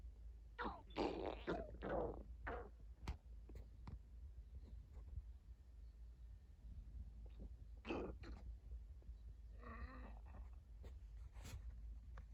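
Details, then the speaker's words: Dog Molly's stomach rumbling in the morning: quiet gurgling and squeaky rumbles in bursts over a low room hum; borborygmi. "me rumbling. Ooh, that was a big rumble."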